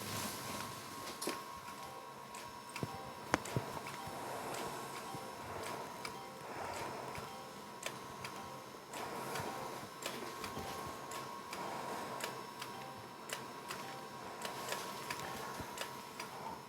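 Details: Steady soft clicks over a quiet hum: a Potenza radiofrequency microneedling handpiece pulsing across the forehead on the first pass, with decreased needle depth, little overlap, and about 500 pulses per full face pass.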